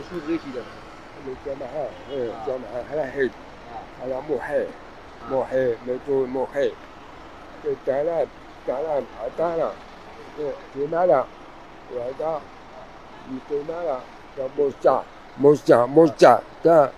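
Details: Speech of a deaf-mute man with special needs, speaking Moroccan Arabic; deaf speech.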